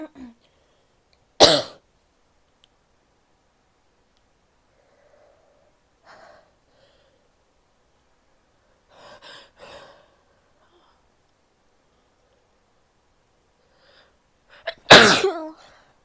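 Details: A female: two sharp, explosive sneezes with softer sniffing and nose-blowing sounds between them, sneezing.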